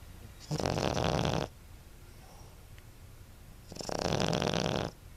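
Two rasping, noisy snores about three seconds apart with quiet pauses between, from a small dog asleep.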